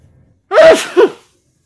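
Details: Single loud, sharp sneeze with a trailing breath from a person whose allergies flared after a long walk as plants began flowering in California, slightly out of breath; Flonase is mentioned. Allergic sneeze.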